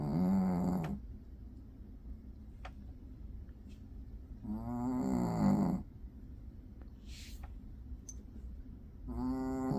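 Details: Soft, rumbling snores at about 13 per minute, with faint clicks and room noise between, from a dog curled asleep in an office after not sleeping at home the night before; ordinary snoring.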